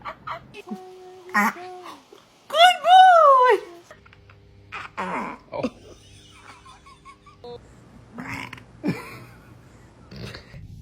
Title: Newborn burping #baby #Love #cute #adorable #burp